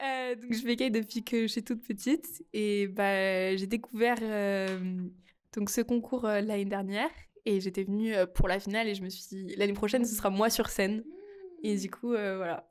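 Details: Stuttering in a 15-year-old French-speaking girl.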